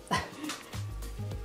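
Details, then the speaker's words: Flat-faced pet dog snoring while asleep with a dog bed in its mouth: low, rumbling snores heard twice in quick succession in the background, described as very loud; snoring. "Oh my God, Poet, you're so loud. Can you hear him snoring in the background?"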